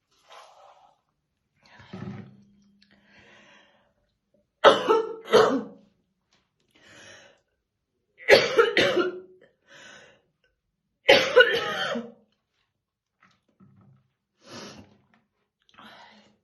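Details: Adult woman's real, intense smoker's morning cough while slowly brushing her hair: several bouts of heavy, deep, harsh coughing with throat clearing and breaths between; smoker's cough.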